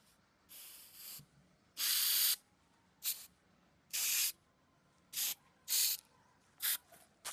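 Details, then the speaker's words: Horse given two injections, then wound spray applied: eight short hissing spray bursts of varying length separated by quiet gaps, sprayed into the horse's wound. "ઘોડાના બંને injection એકદમ સરળતાથી અપાઈ ગયા છે અને હવે એના આ જે ઘાવ છે ને એની અંદર આપણે સ્પ્રે નાખવાનો છે."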